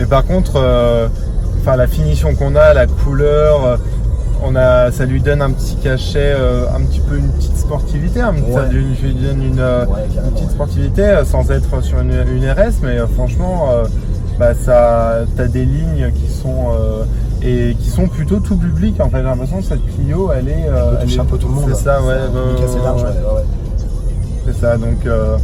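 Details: Adult male speaker; normal voice.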